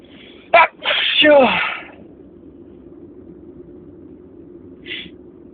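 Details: Spring allergy sneezing fit: sharp inward catch, then a loud drawn-out sneeze, quiet and a faint sniff, within a very long sneezing attack.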